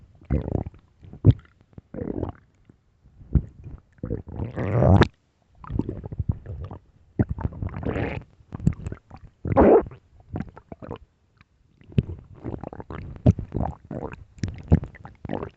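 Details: Late-night stomach growling: continuous low gurgling and rumbling bursts, ordinary borborygmi.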